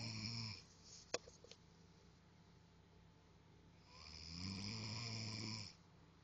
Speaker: This is you snoring.